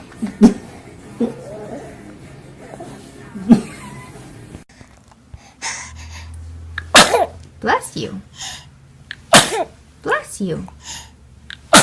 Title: Try Not To Laugh : Cutest Babies Sneezing | Funny Babies Compilation